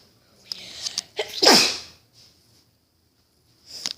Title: I SNEEZED IN A VIDEO!!!!!